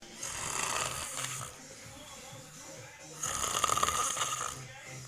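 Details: Loud, rough snoring on two breaths in, about three seconds apart, quieter breathing out between, from a person snoring with eyes open: snoring.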